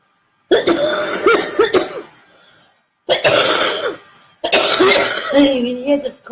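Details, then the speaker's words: Adult with a chesty cough described as stuck in the chest and not coming up, recorded during a live drawing broadcast: three harsh, partly voiced coughing bouts. "doesn't roll up it's sort of stuck in my chest so it doesn't like me come through"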